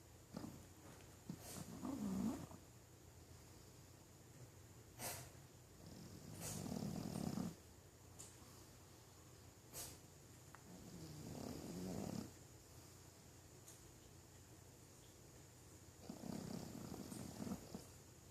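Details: A Pekingese dog, after a long stretch, falls straight into slow, rumbling, mechanical-sounding snores roughly every five seconds, each a low fluttering breath over steady room hiss; snoring during sleep.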